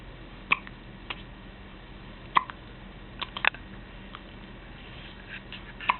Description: had the hiccups again and daddy thought it was funny because everytime she hiccuped her head jerked.